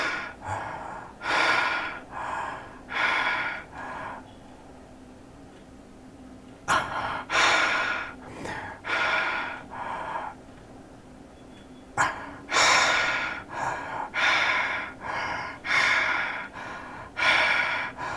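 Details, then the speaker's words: Loud, irregular snorting and gasping breaths with quiet pauses of several seconds and effortful recovery; sleep-disordered breathing with apneas, played to illustrate sleep study patterns. "Like suffering from sleep disordered breathing."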